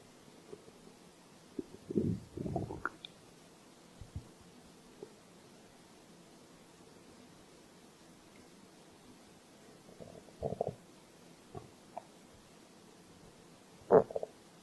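Quiet gurgles and short squelching rumbles come in scattered bursts against low background hiss, typical of a growling empty stomach.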